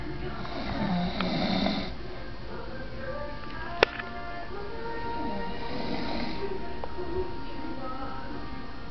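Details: Snoring in a sleeping adult man: loud, low rattling snores in repeated bursts, with television music and talk in the background.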